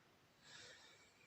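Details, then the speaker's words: Dog snoring in the background; the owner says the dog is tired today. "Alors je suis désolée si vous entendez ma chienne ronfler. Elle est fatiguée aujourd'hui."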